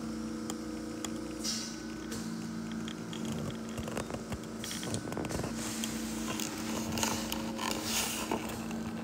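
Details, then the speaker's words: Oxygen concentrator used by a father, running indoors: a steady mechanical hum with a low tonal drone and intermittent clicks and soft puffs. "C'est le concentrateur d'oxygène à mon père que vous entendez."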